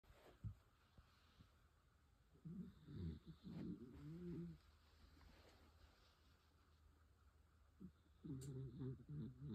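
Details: Low, rumbling, slightly tonal snorts with each breath from Angus, a sleeping 14-year-old dachshund at bedtime, in a quiet room: dog snoring.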